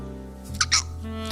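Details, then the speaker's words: Two quick, sharp throaty hiccups from a VTuber streamer over steady background music during a Christmas-themed stream; the speaker afterward remarks on having hiccuped. "Oh, did I hiccup? I guess I hiccuped."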